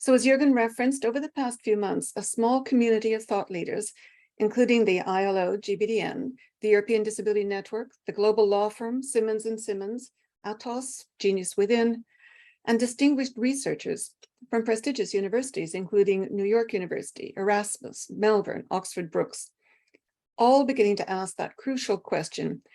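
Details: Adult speaker, likely female; normal speech.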